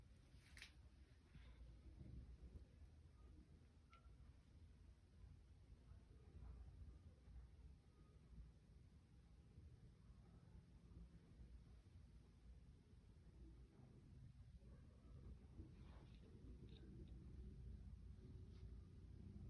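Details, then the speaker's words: Low stethoscope rumble with scattered brief gurgles and clicks over the abdomen during a health assessment; normal active bowel sounds in all four quadrants. "okay so I heard it um normal active bowel sounds and all four quadrants which is excellent"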